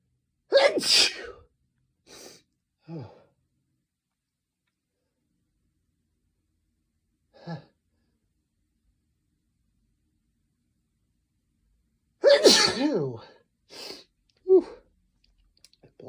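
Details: Induced sneezing in a male whose nose is sensitive from cold weather: two bursts, each a loud sharp sneeze followed by smaller catches of breath, separated by quiet.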